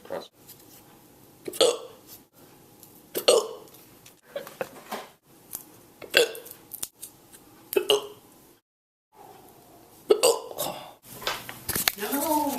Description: Dang those hiccups...